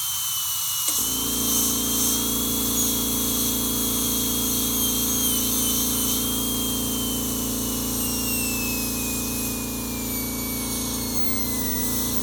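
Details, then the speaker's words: High-speed dental handpiece with a steady high-pitched whine and lower hum, pitch drifting slightly as it cuts, running a two-striper bur to join the lingual chamfer with the facial shoulder margin during a PFM crown preparation for tooth 1. "So in order to merge it properly with the fascial, which is a shoulder, what I'm gonna do is I will run my two striper bar very smoothly, where the two margins join."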